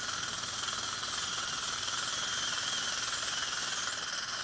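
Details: Continuous high whine of a dental implant drill with faint irrigation hiss, preparing the osteotomy for a one-piece ceramic implant in the upper right jaw, previously sinus-grafted about eight to nine months earlier.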